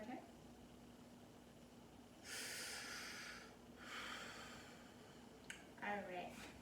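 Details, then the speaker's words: Two deep, clear breaths, smooth rush of air without wheeze or crackle, during lung auscultation in a nurse's head-to-thorax assessment of an adult male patient, chest rise symmetrical; no abnormalities, clear; normal breath sounds. "i didn't hear any abnormalities um patients breathing was um was clear"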